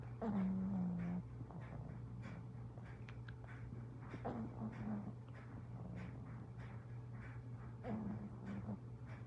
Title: 60 seconds of cute snoring pug